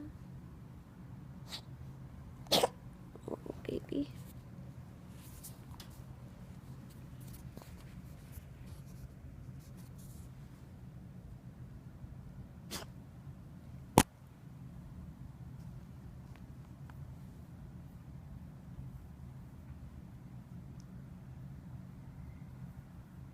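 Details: Kitten with pneumonia coughing: a few short, sharp coughs, a brief cluster then a single burst, in a quiet room.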